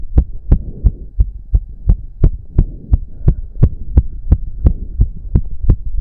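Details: Male's heartbeat during an intense 15-minute cardio workout with heavy breathing, reported close to 200 bpm: strong, regular, fast thumping beats near 175 a minute; exercise-induced sinus tachycardia.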